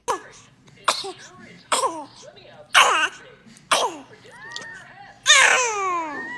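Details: Baby sneezing: six quick, high-pitched sneezes in a row, with an adult's voice and baby vocal sounds in between.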